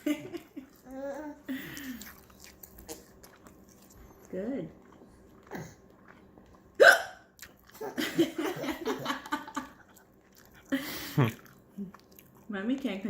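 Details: A mother with hiccups while eating avocado with her child: short abrupt catches in her voice between talk and laughter, a few uncontrollable hiccups.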